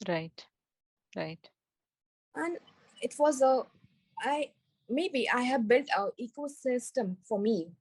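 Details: Woman with global aphasia after a stroke during an Everest base camp trek about four years earlier, initially unable to speak, read, write or spell; recovering after speech therapy; aphasia (recovering global aphasia).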